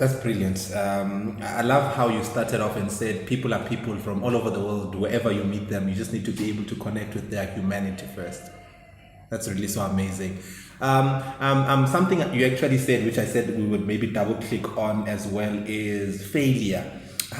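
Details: Adult male speaker; typical speech.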